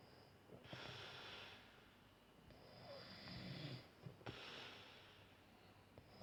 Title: Eeeeee snoring